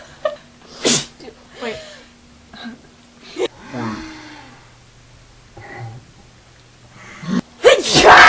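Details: Girls deliberately inducing sneezes: two loud sneeze bursts, one early and one at the end, with talking and moaning sounds between them.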